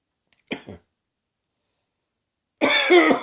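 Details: Person who woke with a sore throat, possibly the start of a summer cold, coughing in a quiet room: a short double cough, then a longer, harsher voiced cough with some throat clearing.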